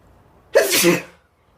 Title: 2 minutes of me sneezing